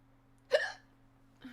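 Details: Hiccup from a person who is also burping: a single loud, abrupt hiccup with a sharp gulping catch of breath, then a brief vocal sound, over low electrical hum.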